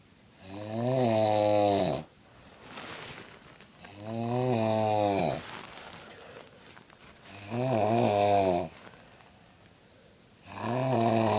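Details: Grandma snoring in sleep: loud, regular, rattling snores about every three seconds, roughly 18 a minute, with quiet gaps between; typical snoring.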